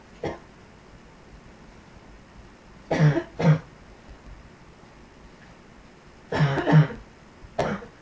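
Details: Repeated deep, low coughs, mostly in pairs, about six over eight seconds, in a quiet room.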